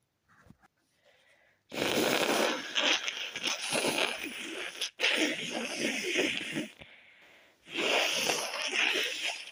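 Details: Stifled sneezes with a very tickly nose after the windows were left open overnight: a few faint breaths, then loud, harsh bursts of held-back sneezing, suppressed rather than fully released.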